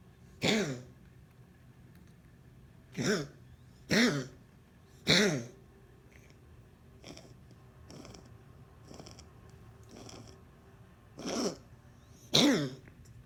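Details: Cat Sara gives six sharp, harsh coughs, some with a voiced rasp, in irregular clusters, with softer hacking between: repeated coughing.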